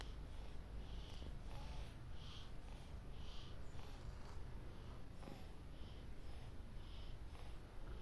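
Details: Tortoise with labored breathing (dyspnea): repeated hissing, wheezy breath sounds about once a second.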